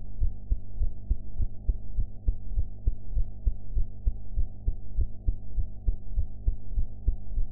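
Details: Own heart sounds recorded after eating, audio quality enhanced afterwards: regular low thumping heartbeat at about 100 beats a minute with a steady background hum; heart sounds.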